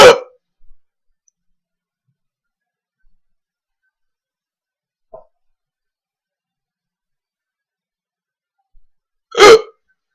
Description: Here is a video of me with the hiccups haha